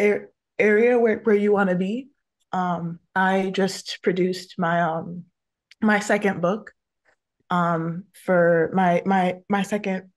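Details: Adult woman who stutters, a photographer, speaking on a panel about careers for people who stutter; multiple word repetitions are audible; stuttering.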